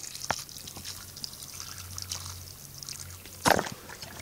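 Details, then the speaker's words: Young female kangaroo joey with swollen ankles, blood trickling from the medial right ankle, a week after the left ankle bled: soft trickling, dripping and a sharp splash as saline is poured to irrigate the bleeding foot. "however I'm going to irrigate at that bleeding foot with salty"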